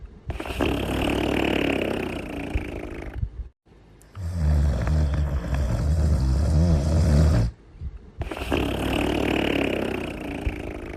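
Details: Cartoon snoring sound effect of an animated character: loud, rough, rattling snores in long drawn-out breaths separated by short pauses.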